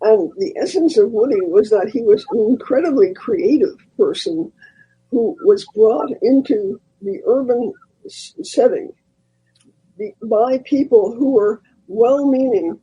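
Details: Elderly former singer who recently lost a vocal cord, not caused by the polio they had in 1948; voice changed from their singing voice; dysphonia after vocal cord loss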